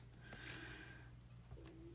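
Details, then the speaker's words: An adult crafter's stomach rumbles near dinnertime, sounding loud to her: quiet squeaky, whistling gurgles over a low room hum: stomach rumbling (borborygmi). "just oh I hopefully you guys didn't hear that my stomach's rumbling I must be getting close to dinnertime hopefully it wasn't too loud it sounded really loud to me"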